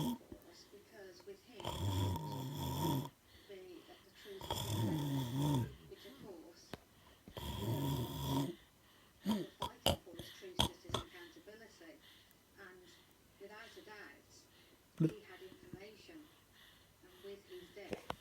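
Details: Snoring: three loud, rough snores at the start, then softer snuffling breaths with room noises and brief background talk.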